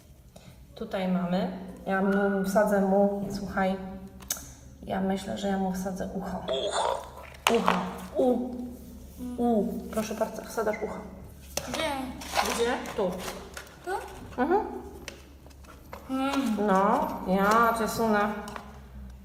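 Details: Polish-speaking young boy with childhood apraxia of speech, plus autism spectrum disorder and intellectual disability, recorded during a speech therapy play session; childhood apraxia of speech.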